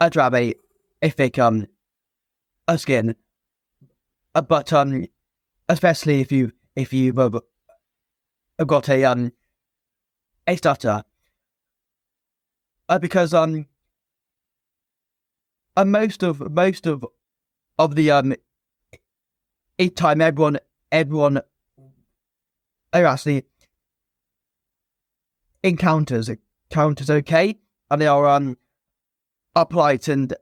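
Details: Stuttering (stammer) present since a young age in an adult man, a former soldier, in spontaneous conversational speech with repetitions and blocks.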